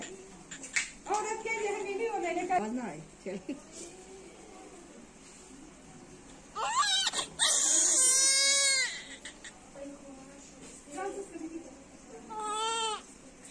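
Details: Small premature newborn in NICU: thin, high, brief cries in short bursts with quiet gaps; faint adult voices in a quiet room.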